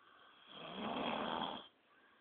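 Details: Light, soft, hissing rough breath lasting about a second, snoring quietly; snoring.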